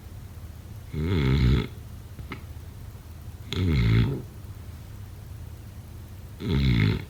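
Deep, rumbling snores roughly every three seconds, each with a harsh rattle, in a quiet room; snoring.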